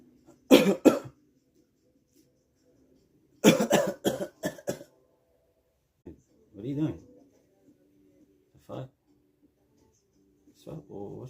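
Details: An adult man deliberately fakes a cough, practicing before calling in sick: several forced cough bursts in clusters, an acted rather than illness cough.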